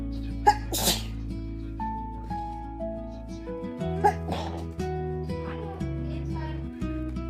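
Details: Girl sneezing: two sneeze bursts with steady music playing in the background.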